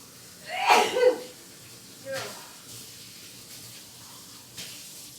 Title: XMAS SNEEZES: